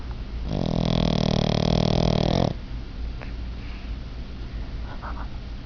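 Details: Sleeping dog snoring: one loud, drawn-out rumbling snore, then quiet room noise; snoring.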